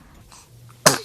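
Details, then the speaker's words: Single short, sharp infant sneeze after a quiet moment; cute baby sneeze followed by "bless you." "Bless you. Oh, cute baby sneeze."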